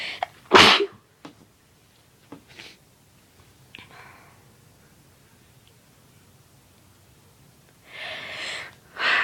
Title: More induced sneezes